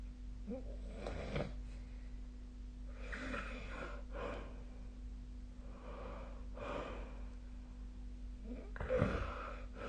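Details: Rough, rattling snores with each breath, about six or seven over ten seconds, over steady low room hum; sleep snoring recorded on 2025/01/15.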